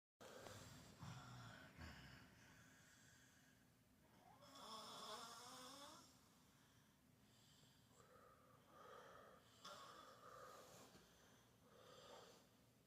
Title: HELP!! 😵‍💫😰My 8 year old Daughter Snore's like a Bear!!! #snoring #parenting #mommylife